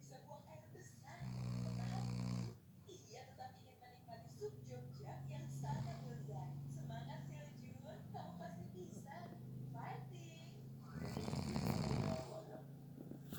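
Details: A person napping gives loud rattling snores, with quieter breathing between them against faint room sound: snoring during sleep.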